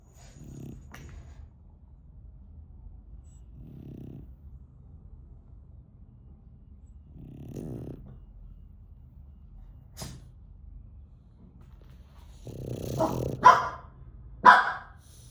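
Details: Sleeping pug snoring: soft snoring breaths every few seconds, then snorts and louder nasal sounds at the end, typical of a flat-faced dog's airway.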